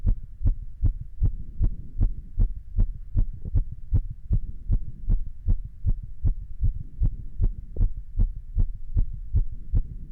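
Steady, evenly spaced low thumps of an adult heartbeat over a faint hum, with a regular rhythm throughout; normal heart sounds.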